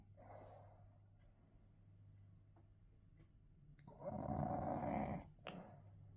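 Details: Sleeping bulldog: a quiet breath, then a loud, harsh, rattling snore with noisy upper-airway vibration in a quiet room; snoring.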